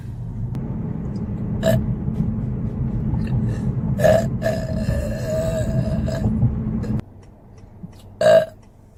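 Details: Four burps, one drawn out, over a low engine-like rumble that stops near the end; ordinary burping.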